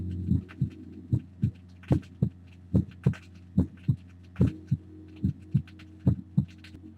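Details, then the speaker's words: Normal heart recorded at the apex: regular paired low thumps at about 72 a minute, first and second heart sounds clearly audible, steady low hum behind; played from a vinyl record. "The Normal Heart recorded at the Apex the first and second sounds are clearly"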